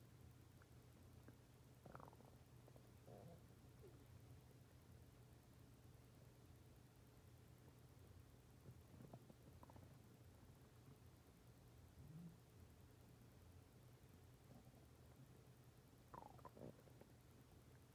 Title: My stomach growling for 17 minutes and 26 seconds